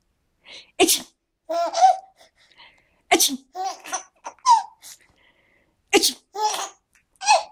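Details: Mobile phone recording of an adult giving three sharp sneezes, each followed by a baby's giggles.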